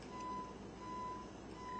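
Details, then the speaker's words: Audiometer pulsed test tone heard while the button is held down: a steady tone near 1 kHz switching on and off in short beeps over low background hum, chosen as more noticeable for patients from children to adults. "I prefer the pulse and this is what it would sound like when you push the button down"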